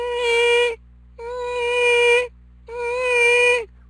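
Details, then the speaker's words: Three high-pitched squeaks, each under a second, with each step from a left ceramic-on-ceramic total hip replacement in a 55-year-old two years post-op; painless, no instability symptoms. "this is a case of a 55 year old patient who returns two years following a left hip ceramic on ceramic total hip replacement a patient has no pain uh no symptoms of instability"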